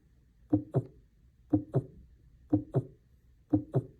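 Regular paired lub-dub heart sounds at about 60 beats a minute, a normal rhythm with clear S1 and S2.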